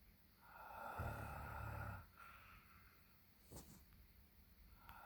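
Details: Low rattling snore on the in-breath followed by quieter breathing and faint room noise; snoring during sleep.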